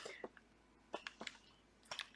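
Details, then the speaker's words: Elvie single wearable breast pump running at its highest suction setting: faint, sparse soft squishing clicks over near silence, very quiet pump noise. "very minimal noise so this is probably one of the softest sounding pumps that I have ever played with so that's an awesome feature"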